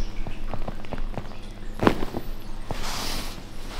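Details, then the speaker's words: During a chiropractic manipulation of a female patient's bent leg (seen for worsening headaches), soft handling taps, then one sharp crack and a fainter pop over a low hum: joint cavitation. "Bello scrocchio."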